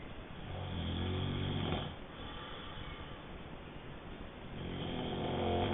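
Slow, rumbling, rattling breaths on inhalation with quieter pauses between, typical snoring during sleep.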